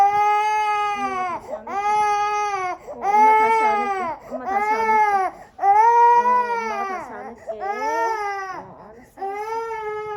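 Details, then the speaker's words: 5-month-old baby hospitalized with confirmed COVID-19, with fever, cough, phlegm and difficulty breathing: loud, sustained crying in repeated bursts with brief gasping pauses; infant crying. "왜 울어? 너는 엄마 여기 아팠어. 여기 손이랑 아팠어."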